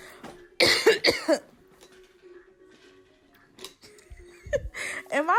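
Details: A 29-year-old mother gives a few short, dry coughs, with her almost two-year-old daughter's voice and music in the background. This is an ordinary cough.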